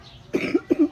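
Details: Adult coughing, treating the cough by eating oregano leaves: two short dry cough bursts in a small room.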